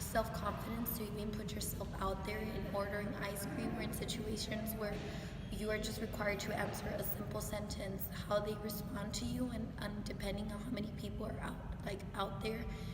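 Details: Adult woman; fluent speech.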